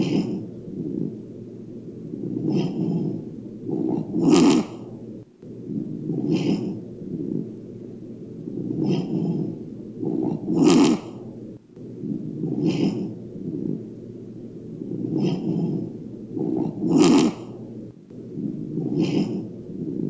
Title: My dog Peppi snoring